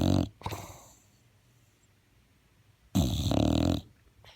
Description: Yoshi the English bulldog snoring loud